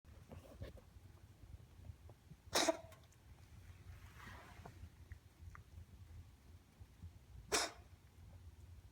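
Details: Dog coughing and swallowing: two sharp, explosive single coughs about five seconds apart with soft mouth sounds between.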